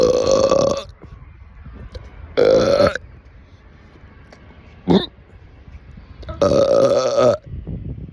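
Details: Three loud, drawn-out voiced belches with a shorter croak between, quiet room noise around them; repeated burping.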